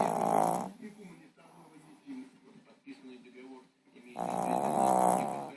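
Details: Snoring with eyes open: loud, rough snoring breaths at the start and end, with quieter breathing between them.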